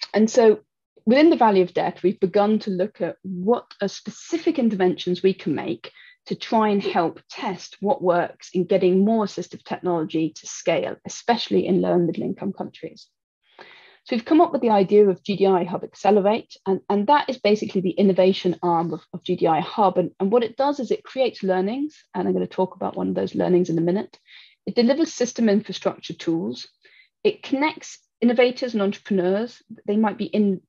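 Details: Adult woman speaker; normal speech.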